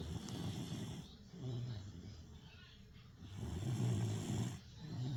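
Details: Snoring: low rumbling snores with each breath, two long snore cycles, steady and rough in tone.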